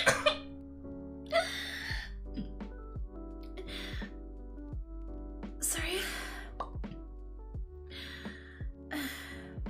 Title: girl coughing fit